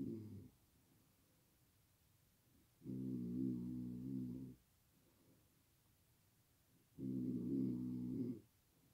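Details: Loud, deep rumbling snores with a buzzing, vibrating tone about every four seconds, separated by quiet, from a sleeper whose loud snoring keeps a light sleeper awake, who wakes with headaches; heavy snoring.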